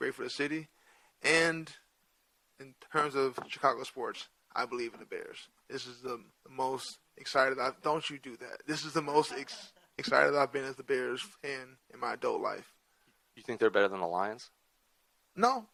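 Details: Adult male with stuttering present since childhood, which he says is hereditary (his father also has a speech impediment) and not caused by CTE.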